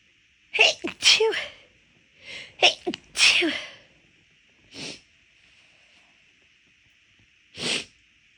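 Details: Quick run of six or seven sharp, explosive big sneezes, some in close succession, then two single sneezes after pauses; induced sneezing, easier when the nose already felt off midway through a walk; sneezing.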